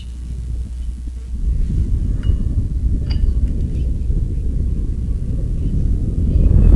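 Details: Surface EMG audio from a homemade battery-powered amplifier fed into a computer sound card during weight lifting: a low, rough crackling rumble that swells and grows denser as the muscles contract, reflecting muscle electrical activity.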